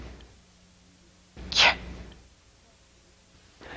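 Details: Demonstration of a mid-dorsum palatal stop in isolation, twice; this cleft palate misarticulation substitutes unvoiced for t and k, voiced for d or g.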